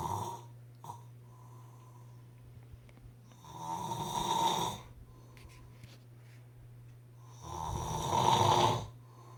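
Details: Two loud rattling snores on the in-breath, about four seconds apart, with a steady hum between them; snoring.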